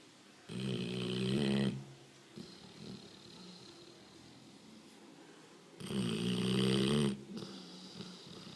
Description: dog snoring ..!!